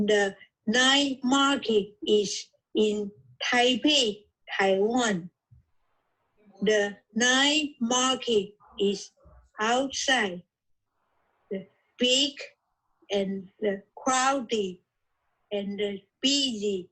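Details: Aphasia in an adult woman originally from Taiwan, reading her own recorded podcast during an intensive reading and writing aphasia therapy program.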